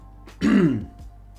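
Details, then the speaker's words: Single rough throat clearing from a hoarse adult man, who says he is hoarse from tiredness and lack of sleep, over a steady low background hum. "sorry you can hear I'm a little hoarse and that's just from being tired and not sleeping"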